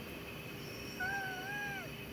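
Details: Wheezing in a COPD patient with an acute exacerbation, breathing in and out deeply on instruction: a single high-pitched musical whistle lasting about a second during a breath, from narrowed airways.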